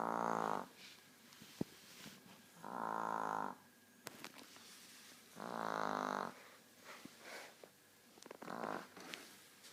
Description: Chihuahua Sofia, 9yrs snoring. She snores 24/7 since her snout/nose is short.